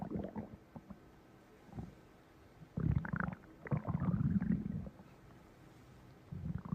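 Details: Low gurgling stomach growls in bursts with quiet gaps between them: stomach rumbling.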